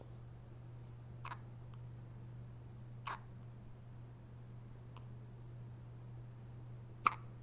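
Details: Three sharp, brief hiccups a couple of seconds apart over a steady low hum in a quiet room; hiccups.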